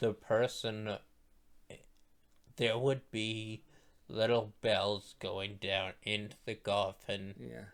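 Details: Male speaker who states his voice sounds this way because he is a stroke survivor; speech impairment after stroke.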